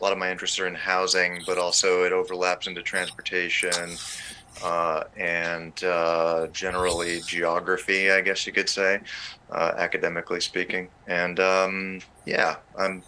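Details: Adult man speaking; ordinary speech.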